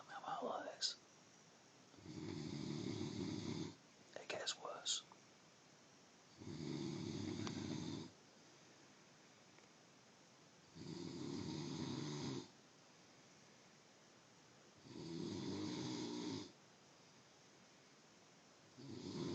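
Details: Loud, rattling snores on each breath in, about every four seconds, roughly 14 a minute, with quiet pauses between; snoring.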